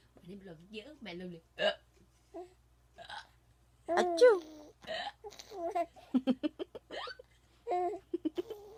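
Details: Mother hiccupping while her child laughs heartily: short, sudden voiced hiccup sounds mixed with the child's giggles and chatter in a quiet room; hiccups.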